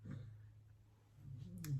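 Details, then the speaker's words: Faint, low rumbling snoring from a puppy sleeping on a couch in a quiet room, two soft breaths in under two seconds. "i don't know if you can hear my dog snoring in the background can you hear that that's that's duncan snoring"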